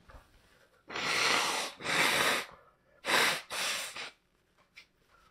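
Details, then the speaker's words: Person who says they are very congested blowing their nose: four forceful, wet nasal blows in two pairs, with quiet room noise between. "What's the chat saying, bro? Hold on, I gotta blow my nose."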